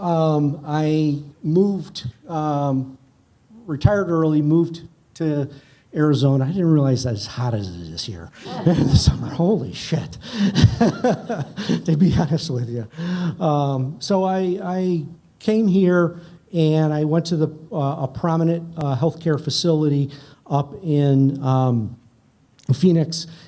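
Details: Adult man speaking; unaffected speech.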